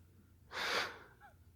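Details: Dog (owner jokes he may have sleep apnea) giving a single short, forceful hissing snort of air through the nose, then quiet; snorting.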